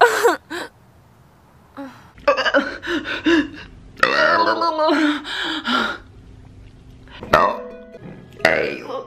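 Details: Several loud, drawn-out, deliberate voiced belches with short vocal sounds between them; burping.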